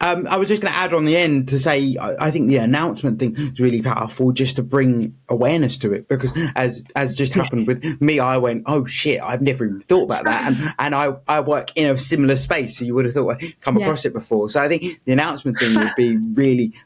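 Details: Adult speaker; normal speech.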